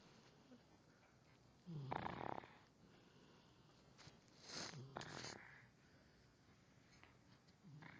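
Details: Sleepy dog snoring: soft, rough snorting breaths repeating irregularly over a quiet room background; a sleeping dog's snoring.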